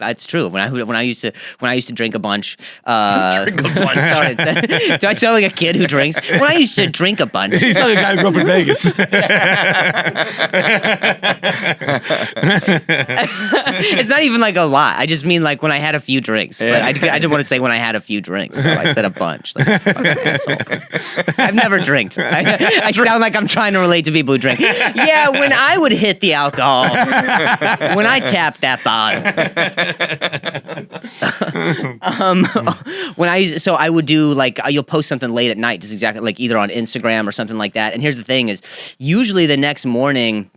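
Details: Adult man who developed a stutter at age 20 after a softball to the throat and then hitting his head, causing a major concussion and a minor vocal contusion, later found by a neurologist to be neurogenic; neurogenic stuttering.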